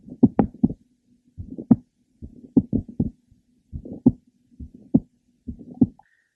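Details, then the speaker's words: Mitral valve prolapse in a woman whose skipped beats come mostly when lying down, heard at the third left sternal border; irregular rhythm with frequent premature ventricular beats and a series of clicks in mid to late systole. "you could detect her frequent premature ventricular beats and her series of clicks that were heard in the mid to last part of cyy"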